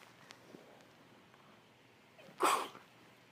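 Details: Female sneezing with a cold during a long series of sneezes: a faint sniff, then a single sharp, explosive sneeze in a quiet room.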